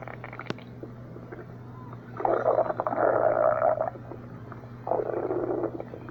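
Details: Low gurgling, groaning rumbles in two longer bursts over a steady background hum: ordinary stomach growling (borborygmi).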